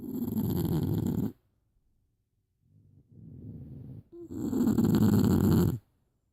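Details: Sleeping animal: two long, low, rough snores separated by a quieter breath; snoring.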